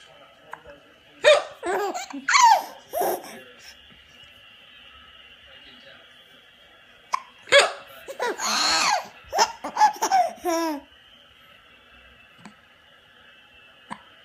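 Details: Baby with hiccups: short, abrupt hiccup sounds mixed with laughing and vocal noises, in two bursts separated by quiet.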